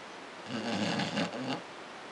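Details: 7-year-old beagle snoring and twitching in sleep: one low, buzzing, rattly in-breath snore rising and fading over about a second against quiet room noise; snoring.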